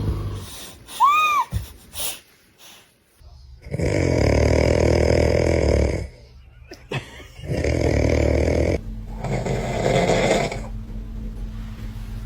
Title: Scared by my dad’s snoring 😂😂#youtube #baby#cute#funny